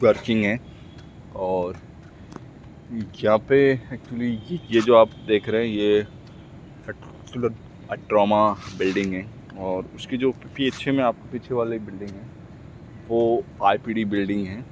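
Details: Adult man speaking Hindi who stammers, speaking for his own practice; word repetitions heard; stuttering.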